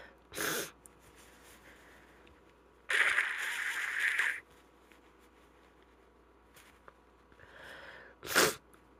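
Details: Female with a stuffy head cold: three sharp sneezes with sniffly breaths between them.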